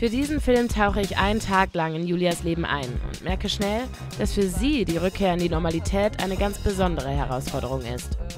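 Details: Adult female narrator; Normal narration speech.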